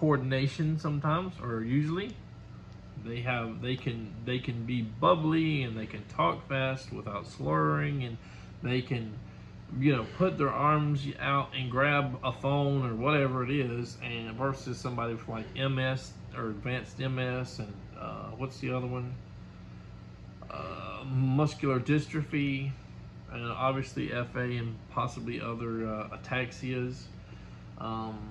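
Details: Adult male speaker; normal conversational speech.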